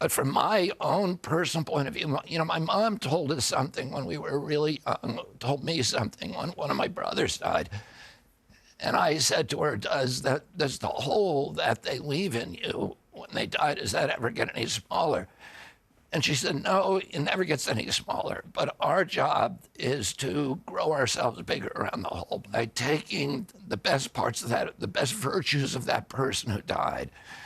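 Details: Adult man, adductor spasmodic dysphonia, described as the neurological disorder spasmodic dystonia, onset at 42 after a 1996 injury; nerve signals tighten vocal cords constantly, cords uninjured; Kyoto surgery about eight months earlier made voice more reliable; now trying alternative therapies.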